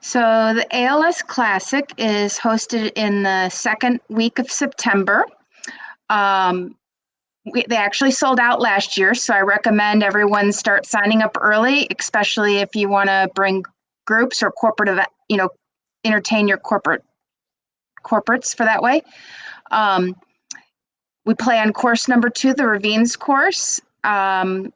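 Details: Adult woman speaking; normal speech.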